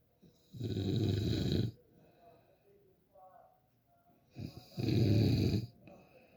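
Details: Two loud, deep, rattling inhaled snores with a quiet pause between; snoring.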